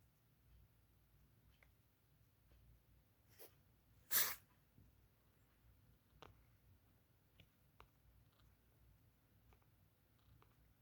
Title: sneezing cat